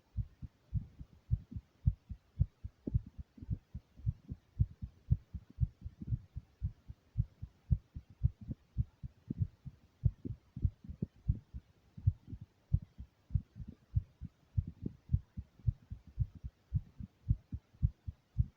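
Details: A person's own heartbeat in a first recording, fast and steady at roughly 110 beats a minute, low thumping, which the recorder attributes to excitement and nervousness.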